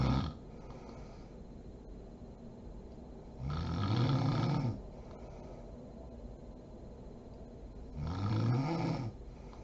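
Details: Sleeping mother snoring: low, rumbling adult snores on each breath in, about 15 breaths a minute, with quiet pauses between them.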